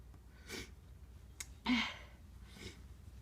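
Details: Normal sneezes induced by tickling the nose with a tissue, with some nose blowing: soft breathy bursts and one stronger muffled sneeze in a quiet room.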